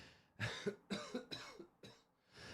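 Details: Cough from an adult man with a sore throat who lost his normal voice after four days of shouting at a protest.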